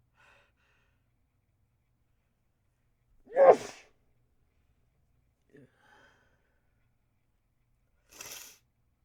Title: Harsh Sneezes